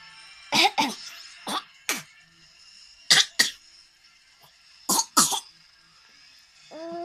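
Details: A young child coughing: about eight short, dry-sounding coughs in four paired bursts with quiet gaps between them.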